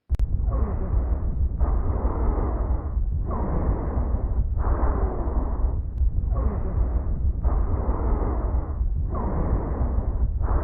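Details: Wheezes in a lung auscultation demonstration: noisy breaths with whistling, musical sounds in both inspiration and expiration.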